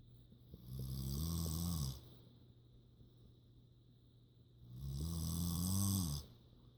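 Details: A woman sleeping, with cats asleep nearby: two loud, low, rattling snores about four seconds apart, with quiet room noise between them. Ordinary snoring during sleep.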